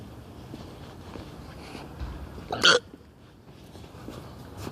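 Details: Single abrupt sharp catch of breath against low background rumble; person with ongoing hiccups, hiccup (singultus).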